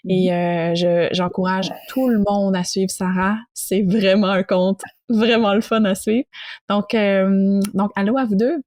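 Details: Adult man who stutters, founder of a French public-speaking contest for people who stutter; stuttering.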